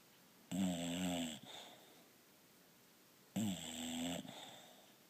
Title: Snuggled Snoring Bulldog